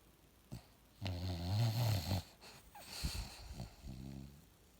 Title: Bulldog snoring